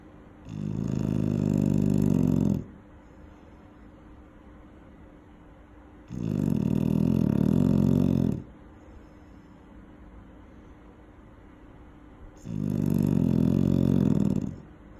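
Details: Eight-month-old female dog sleeping near a safety barrier, snoring loudly: rough, low snores about every six seconds with quiet pauses between them.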